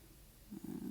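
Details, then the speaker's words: An 11-year-old pit bull resting nearby: after a quiet start, a brief low, droning, moan-like rumble, a soft snore. "Belle's over there, she's starting to snore, and it sounds like a moan, so if you hear that, that's what that is. It's really sweet. She's my 11-year-old pit bull, and"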